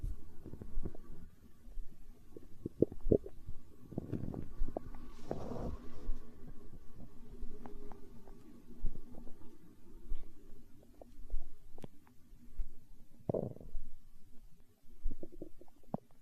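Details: Stomach growling recorded for ASMR: low, irregular abdominal gurgling and rumbling throughout with a few louder swells, a normal digestive sound (borborygmi).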